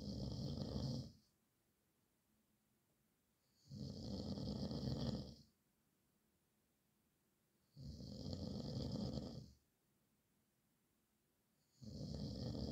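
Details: Loud, rough snores on each breath in, with quiet pauses between, about 15 breaths a minute; ordinary snoring, described as a nightmare of snoring at night.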